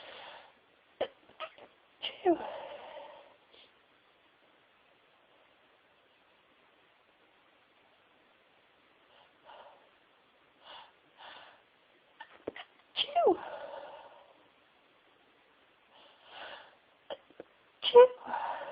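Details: Deliberately stifled sneezes: three clusters of muffled, held-back bursts with sharp catches of breath, each ending in a suppressed sneeze.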